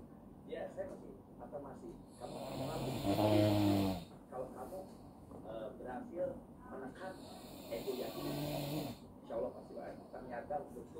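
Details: Father snoring during sleep: harsh, rattling snores on inhalation, about two in eleven seconds, with quiet talk in the room; snoring.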